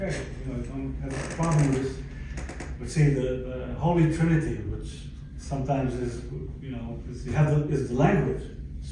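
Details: Stroke survivor with aphasia from a stroke about 11 years earlier, speaking English; aphasia.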